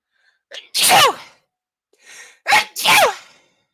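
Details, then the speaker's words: Three loud, forceful adult sneezes, each preceded by a quick indrawn breath, during a live reading; the sneezes were loud enough to make a nearby water glass ring. "did anyone hear that did you hear the glass because I sneezed so loud it made a ping sound"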